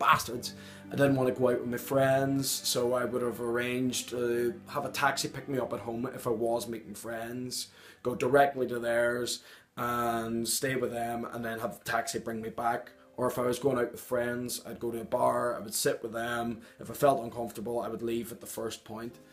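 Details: Tourette syndrome in an adult man, with involuntary vocal tics including coprolalia (swearing) and loud uncontrollable noises interrupting his speech.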